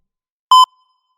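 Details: Single clear electronic beep from a heart monitor sound effect, not a real patient recording.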